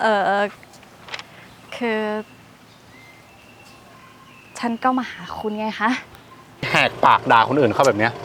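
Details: Acted stuttering by a female character in a comedy skit, said to be not from birth but from a lack of self-confidence; stuttering (acted).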